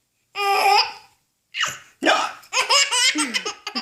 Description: Cute baby laughing while getting hiccups. Funny baby clip, cute four month old was getting hiccups, his father and sister started imitating him and this turned out into a laughter competition!